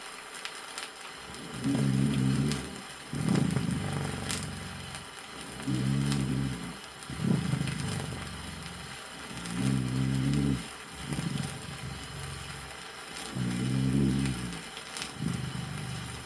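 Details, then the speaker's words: 1964 USSR auscultation teaching record: loud, low, humming dry rales (rhonchi) recurring with each breath, about 15 breaths a minute, in a patient with pulmonary emphysema and pneumosclerosis. "громкие гудящий сухие хрипы у больного с эмфиземой лёгких и пневмосклерозом"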